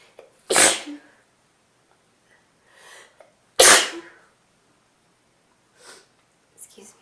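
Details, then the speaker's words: Adult with a cold sneezes twice, sharp explosive bursts seconds apart each after a quick intake, then faint sniffing and breathing; runny nose. "I'm feeling pretty sneezy and sniffly today, so I thought you guys might like to hear it."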